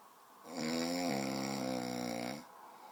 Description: My little bro snoring the house down a slap in the face doesn't even wake him haha